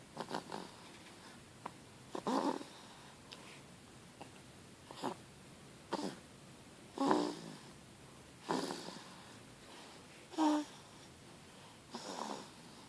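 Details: Sleeping baby snoring and smiling: soft snoring sounds with each breath, about seven breaths heard, some with a brief squeaky tone.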